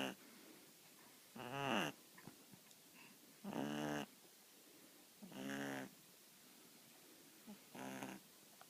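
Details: An 8-week-old puppy, fast asleep on its first day in a new home, gives about four soft, rhythmic nasal snores on inhalation, irregularly spaced at roughly 30 a minute, with quiet room noise: snoring.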